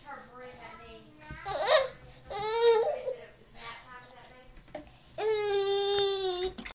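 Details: Young boy who has given himself the hiccups fusses and cries in short bursts, ending in a sustained high wail; infant cry.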